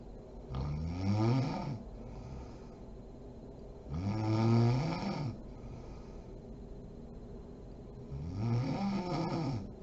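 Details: Mother (adult woman) asleep: three slow, rumbling snores on breathing in, roughly every four seconds (about 14 breaths a minute), with quiet out-breaths between; sleep snoring.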